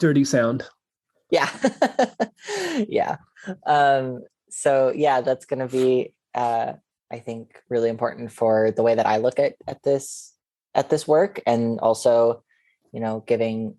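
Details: Adult man; normal speech.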